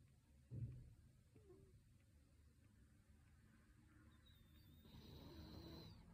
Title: Cat snoring 😴 💤